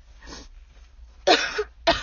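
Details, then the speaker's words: An adult woman, sick and with a smoky voice, sits in her car in a garage. A soft throaty sound is followed by two short, harsh, rough, irritated coughs; she notes she is coughing more than sneezing. "Coughing a lot more than I would personally prefer to. The ratio is not ideal. The sneeze to cough ratio."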